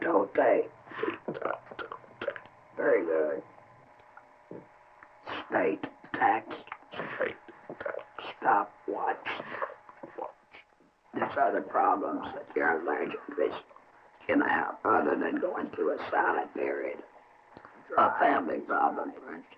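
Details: Adult man whose larynx was surgically removed as treatment for cancer, now speaking with esophageal speech after laryngectomy.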